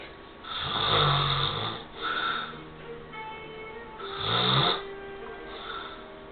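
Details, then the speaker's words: Person snoring; the partner who records it says it wakes them several times a night. Two loud, rough snores on breathing in, each followed by a softer breath out, over faint background music: snoring. "You're recording me snoring, aren't you? Oh yeah."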